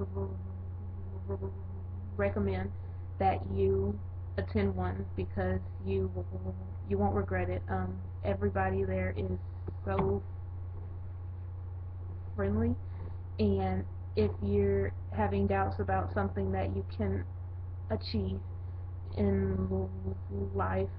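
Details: Stuttering in an adult woman, onset at about age 4, with private speech therapy in childhood.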